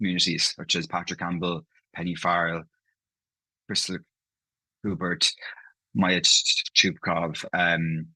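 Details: Stammering (stuttering) in an adult man who stammers, with audible part-word and whole-word repetitions.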